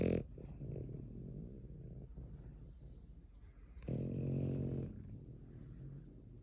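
Low, rumbling, rattling breaths, with one louder snore part way through. Snoring during sleep.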